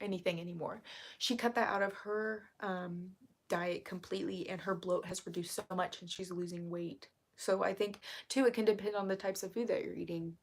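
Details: Woman with self-reported vocal fry, which she says is currently really bad and attributes to speaking quietly; vocal fry.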